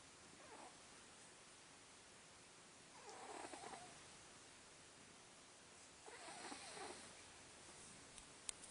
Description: snores!